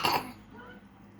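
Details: A single short, sharp cough burst from a child, fading quickly into quiet room noise.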